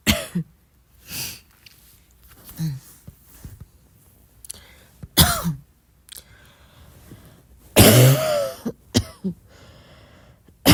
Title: midnight soft cough